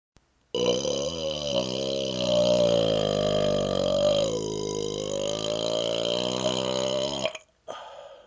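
One long, deep, voiced belch lasting about seven seconds, with a steady rumbling pitch. Deliberate prolonged burp.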